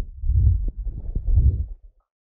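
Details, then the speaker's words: A horse with a heart condition and several murmurs, recorded where the loudest murmur is strongest. Low rushing swooshes replace the lub-dubs, from turbulent blood flow; heart murmur. "now this is where his murmur is loudest and he actually has a couple different murmurs associated with his heart condition"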